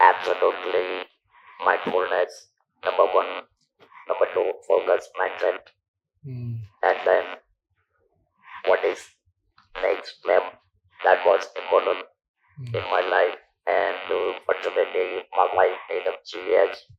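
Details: Male survivor of stage 4 vocal cord (throat) cancer since 1997, natural voice lost after surgery, about 10,000 days since; speaks using an electrolarynx device; electrolarynx speech.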